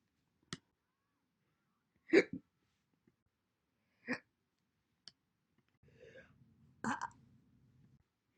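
Several isolated, brief, sharp hiccup sounds separated by quiet gaps, with faint room noise near the end; single hiccups.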